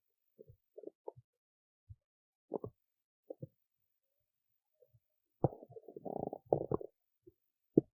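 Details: Belly sounds after a skipped lunch, with hunger: irregular gurgles, pops and bubbling rumbles over several seconds. Stomach rumbling from hunger (borborygmi), a normal gut sound.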